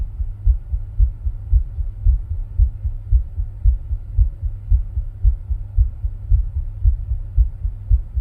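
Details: Heart sounds recorded while rebreathing into a plastic bag, with ECG: steady, regular low thumps at about 113 beats per minute, a fast rate, over a faint background hum.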